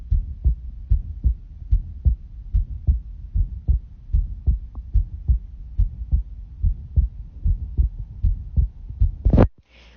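Steady low thumps at about 74 beats a minute, a heartbeat picked up through a phone on the chest, ending in a burst of handling noise.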